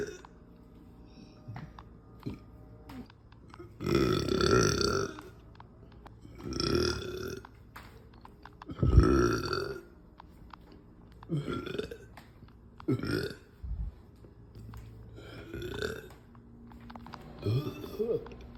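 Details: Woman's deep, loud, drawn-out burps, about eight in all with quieter ones between; ordinary belching after lunch.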